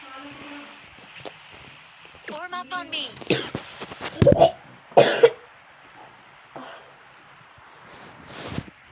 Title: playing bgmi ll gettting cough (not corona)